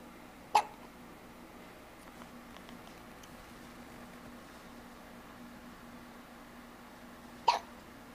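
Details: Two sharp, brief hiccups about seven seconds apart from a dog, over a quiet room hum.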